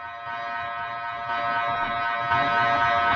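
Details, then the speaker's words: Gradient coil noise from an MRI scanner played as an example: loud, steady buzzing drone with rapid rhythmic knocking, caused by the Lorentz force on rapidly switched current in the copper gradient coils displacing the wires. "So that's what it sounds like. So you have a Lorentz force of the magnetic field on the rapidly switched current in the coils, and that Lorentz force creates a displacement of the copper wires."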